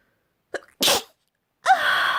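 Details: A satisfying sneeze: a quick catch of breath, then a sharp explosive sneeze and a voiced exclamation after.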